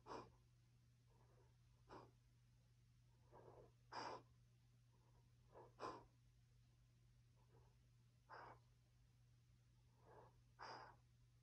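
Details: Greyhound dog asleep, twitching, with quiet slightly uneven snuffling deep breaths, some with a soft nasal snort, over a steady low hum; normal sleep breathing.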